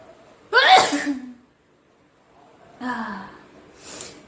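Two forceful voiced sneezes with a quick gasp before each, then a softer breathy burst; deliberately provoked sneezing.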